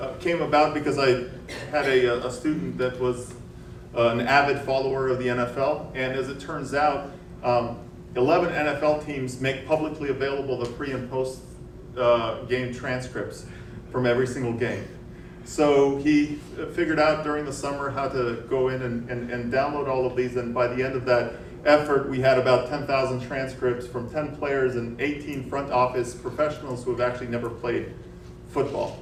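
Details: Adult male speaker; typical speech.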